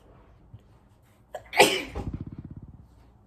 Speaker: oh it's gone it's gone y'all it's gone I was sneezing this whole time it's gone